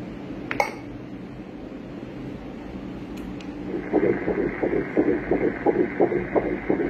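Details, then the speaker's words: Fetal heartbeat heard on Doppler during pregnancy: after a few seconds of hiss, a fast, regular whooshing beat at about 175 beats a minute. "तो sixth week में आपके बच्चे का फेटल heart rate आ जाता है। ठीक है? उसकी धड़कन बन जाती"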